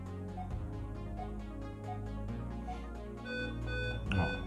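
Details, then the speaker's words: Electronic tonal alarm from a Bistos BT780 multiparameter bedside monitor, triggered by a simulated respiratory rate of 40 breaths/min exceeding the 30/min upper alarm limit; high respiratory rate alarm. "me colocou e ele falou que olhar a respiração tá muito alta então simulei de 40 de respiração o equipamento tá me colocando 40"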